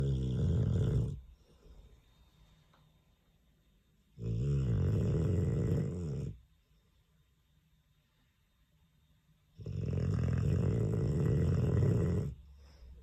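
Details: Sleeping Dogue de Bordeaux dog: deep, loud, rattling snores with each slow breath, three in about 13 seconds with quiet pauses between; snoring.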